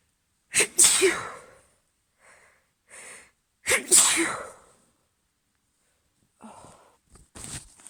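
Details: Morning allergy sneezing in a female: two loud, explosive sneezes, each preceded by a sharp in-breath, then quieter sniffs and breaths.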